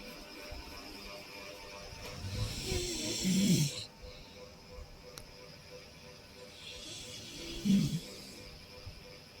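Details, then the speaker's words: Adult man (the husband) snoring loudly at 3 a.m., keeping wife and baby awake: two loud, rattling snores with a breathy hiss about five seconds apart over faint room noise, ordinary heavy snoring. "শুনে এটা আমার হাজবেন্ডের নাক ডাকা। এরপরে ওই ঘরে নিয়ে যাচ্ছি আমি।"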